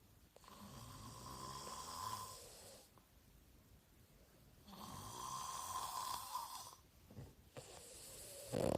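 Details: Snoring from a snoring contest: two long, rough snores on breathing in, each followed by a quiet pause, then a shorter snort near the end.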